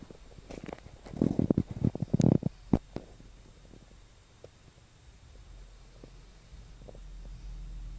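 Short burst of gurgling, bubbling rumbles followed by scattered faint pops in a quiet room; stomach rumbling from gas and fluid moving through the gut.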